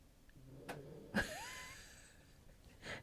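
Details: A dog snoring early in the morning, heard in the background while someone talks.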